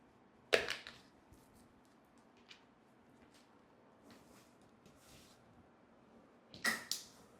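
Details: Metered-dose inhaler with a two-part spacer, shown by a clinical pharmacist: a sharp puff into the spacer with the mouthpiece sealed, a slow deep 3–5 second inhalation and breath hold, soft breathing, then a second puff.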